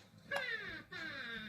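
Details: Baby getting upset with hiccups: two short, high, whiny cries, each falling in pitch, with room noise; infant cry.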